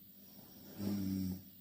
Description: Two korean girl snoring in same bed.